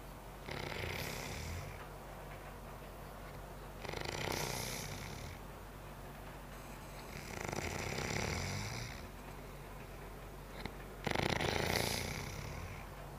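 Four rough, rattling breaths over about 13 seconds, roughly 18 breaths a minute, with a harsh snore on each; snoring.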